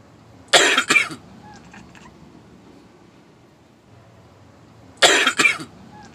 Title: My cat imitates me coughing!!!!!